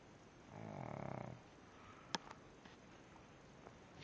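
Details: Pug fast asleep: one fluttering, rattling snore on an in-breath, then a few faint clicks in a quiet room; snoring.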